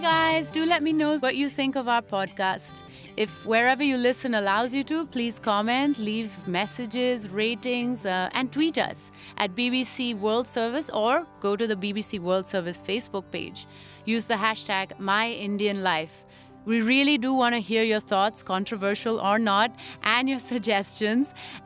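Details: Adult woman speaking; normal speech.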